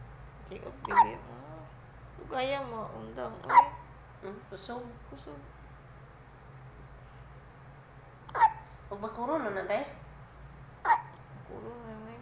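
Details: Newborn hiccups: sharp, brief hiccups recurring irregularly between soft infant babbling and cooing.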